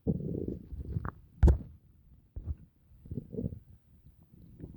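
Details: Stomach noises after dinner: low, rolling gurgles and rumbles with a few sharp squeaks and pops; normal bowel sounds (stomach growling) after a meal.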